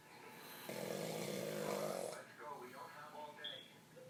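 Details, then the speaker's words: Heavy, loud snoring: one long, rumbling snore on a breath, followed by quieter snorting and gurgling sounds. "Yeah, bruh, it's snoring loud the fuck."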